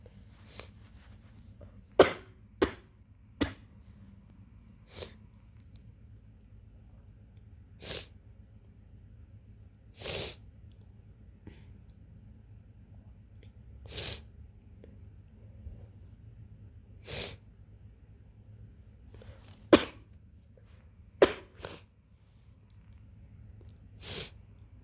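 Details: Person in early stages of a cold, nose running after drinking tea: repeated short nasal sniffs, nose blowing and a few soft coughs.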